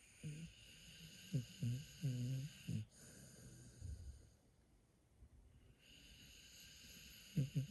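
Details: A dog snoring in sleep: several short, low, rattling snorts with a tonal edge, in bursts near the start and end, over a steady background hum. Finding: snoring.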